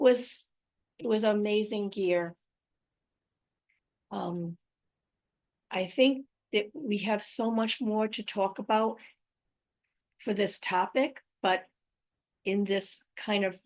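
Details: Adult woman with aphasia, apraxia of speech and dysarthria after a stroke in May 2019. Finding: post-stroke aphasia with apraxia of speech and dysarthria.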